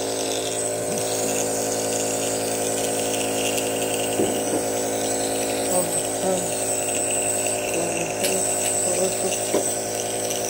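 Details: A newly bought replacement compressor nebulizer runs with a steady mechanical hum and high whine, with faint voices and music in the background.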